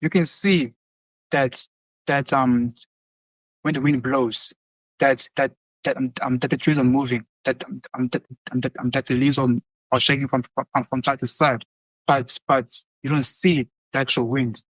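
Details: Adult male who has stuttered since early childhood and has seen many speech therapists, describing his speech as prolonged or delayed with repetitions; stuttering.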